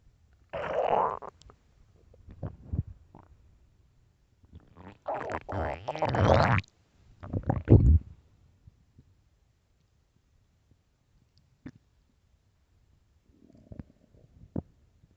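Loud low gurgling rumbles in several long bursts, then quieter squelches: normal stomach growling.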